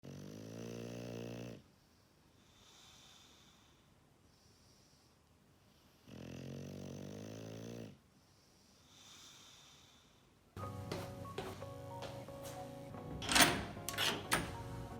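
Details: Snoring recorded during a Sunday vlog.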